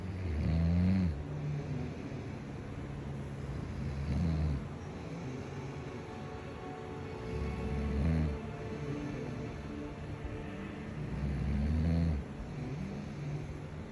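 Deep, rumbling snores roughly every four seconds, about 16 a minute, loud and low-pitched against steady background hum.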